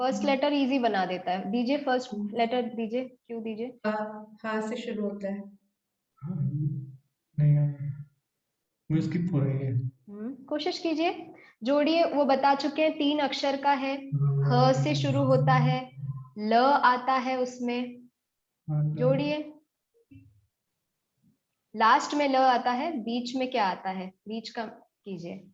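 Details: Adult woman speaking Hindi, possibly with a second voice briefly; normal speech.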